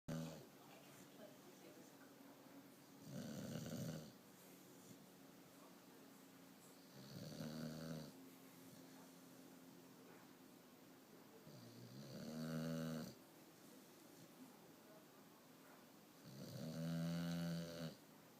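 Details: Four slow, rough, low-pitched snores at about 13 a minute over a steady room hum; ordinary snoring.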